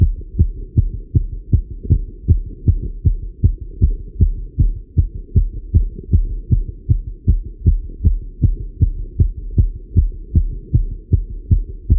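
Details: Male heartbeat recorded while riding a bike: fast, regular, strong beats about 158 a minute, with low hum between beats; normal heart sounds with exercise tachycardia.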